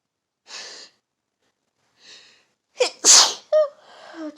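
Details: Adult sneezing in autumn: quick inward breaths, then one forceful sneeze followed by a groan.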